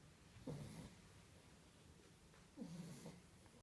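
Two soft, low rattling snores a couple of seconds apart from sleeping puppies; ordinary snoring.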